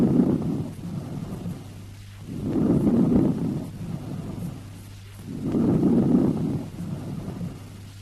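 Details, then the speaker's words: Normal vesicular breath sounds with a soft rustling quality; inspiration louder, longer and higher-pitched than expiration, flowing straight into quieter expiration with no pause between them; a teaching example. "Listen to the normal vesicular breath sounds, which have a rustling quality. Inspiration is louder, longer and higher pitched than expiration, and there is no pause between inspiration and expiration."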